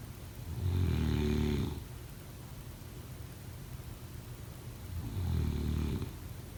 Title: Snoring sound 03/09/2025